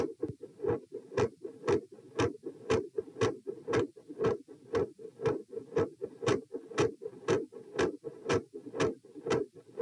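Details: Heart sounds recorded at position p during sitting to standing: regular and sharp, with a consistently loud S2, an uneven, variable S1 and an intermittent murmur.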